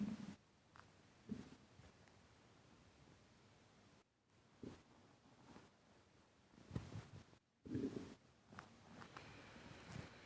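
Low gurgling rumbles and soft bubbling bursts come and go over a quiet background, tracking with breathing: audible stomach rumbling, or borborygmi.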